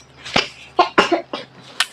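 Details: An adult gives a quick run of about five short, dry coughs in under two seconds, then remarks on the coughing and an itchy throat; cough.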